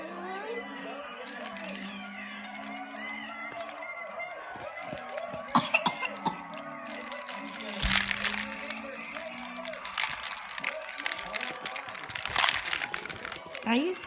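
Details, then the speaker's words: A young girl gives a few short, sharp coughs while raising her arms as her mother told her, with adult talk and background music; cough. "Put your arms up. When you cough and you put them up, honey."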